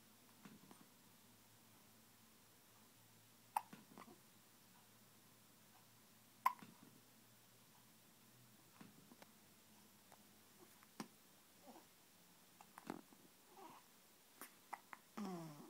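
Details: Hiccups: sharp, isolated hiccup sounds about every three to four seconds in a quiet room, with faint rustling between them.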